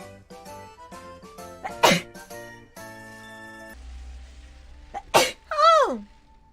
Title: Sneeze Compilation